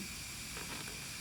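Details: Steady airy hiss of a suction catheter applied intermittently on withdrawal, no more than 5–10 seconds, after 3–5 Ambu bag breaths, during a simulated tracheostomy suctioning skill demonstration.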